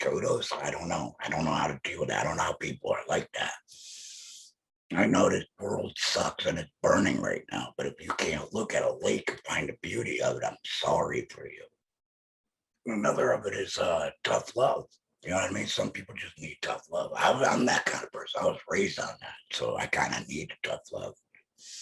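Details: Male laryngectomee speaking with an electrolarynx held to his neck, his only form of communication; electrolarynx speech.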